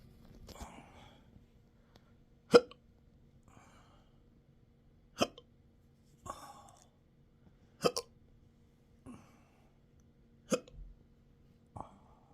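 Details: Intractable hiccups with belching, choking spasms and developing achalasia since December 2015, now 12-hour episodes seven days a week: sharp, somewhat irregular hiccups with small breathy gasps between, about 11 a minute; persistent hiccups.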